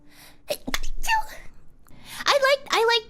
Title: sneezing got chat's neurons to activate 【/ HololiveEN】